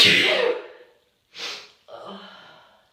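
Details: Sneezing from an itchy nose: a loud breathy sneeze fades out, followed by a short hitching breath and a brief false start.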